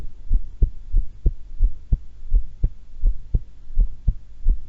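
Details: Own heart sounds recorded while calmly holding the breath twice, not excited: steady low lub-dub at about 85 beats a minute over faint hum; normal heart sounds.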